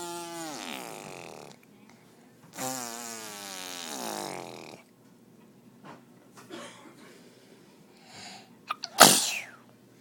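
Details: Infant: two long buzzing, voiced raspberries, a quiet pause with small mouth sounds, then one sharp, sudden sneeze near the end.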